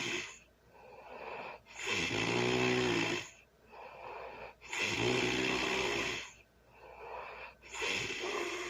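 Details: Early Sunday morning heavy snoring: regular rattling inhaled snore and hissing exhale each cycle, about 21 breaths a minute; background music.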